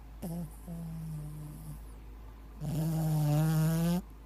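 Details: Shih tzu dog sleeping on owner's bed, snoring loudly every night: low, droning, tonal snores, a short one then two longer ones.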